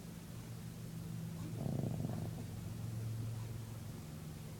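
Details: Dog named Rangler snoring while asleep: a low, steady fluttering rumble rising into one louder rattling breath partway through.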